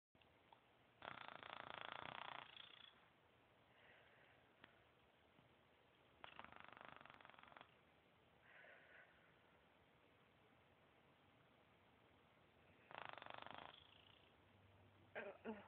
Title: snoring